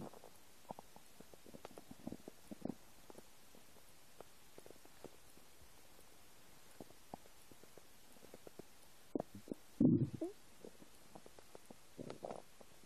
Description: English: New noises of my empty stomach.